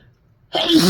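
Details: Sneeze while sick with a cold, from a compilation where many sneezes are induced: a quiet pause, then a sudden loud voiced burst of a single sneeze.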